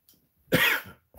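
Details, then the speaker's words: A single short, dry cough in a quiet room from someone who says their throat is scratchy; cough. "maybe I'll do Live reviews if my throat wasn't scratchy right now"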